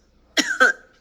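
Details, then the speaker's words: Two quick, harsh, dry cough bursts close together from an adult woman, whom the speaker claims always coughs when lying; a short double cough. "re cyber harassing she always coughs when she's lying it's her tell"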